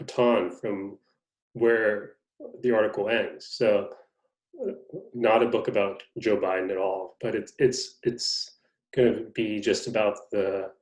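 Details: Adult man, a person who stutters; stuttering.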